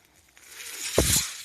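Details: Ventilator audible behind the user's own speech while he records a Star Wars podcast; a building airy hiss ends in a brief forceful whoosh of delivered air. One mechanical ventilator breathing cycle.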